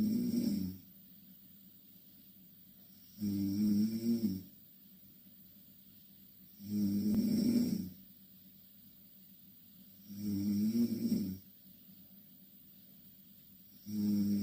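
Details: Two Korean girls asleep in the same bed: loud, regular rattling snores on each breath in, about 17 a minute, with quiet pauses between; loud snoring.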